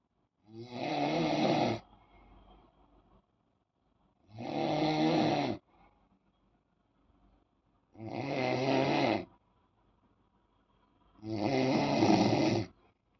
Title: Noise Snoring on bed Time. MAK 040523